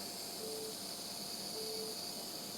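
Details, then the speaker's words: Electrosurgical unit activation tone during controlled endoscopic cutting at the 1 o'clock direction in ERCP: two short steady beeps over hissing room noise. "and you can see the dire yeah at 1:00 the 1:00 Direction and the Very controlled way of uh of cutting I think one one more Cut"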